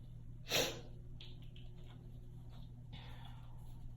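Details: A single sharp, hissing sneeze burst followed by soft sniffing breaths over a steady background hum: sneezing.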